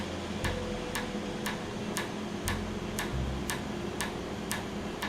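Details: Laser tattoo removal on a numbed patient: sharp regular clicks about twice a second over a steady room hum as the laser fires pulses.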